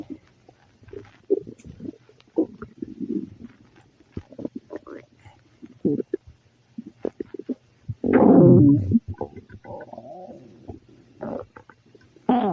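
Repeated gurgling rumbles and several loud low burps, frequent belching with a noisy upset stomach.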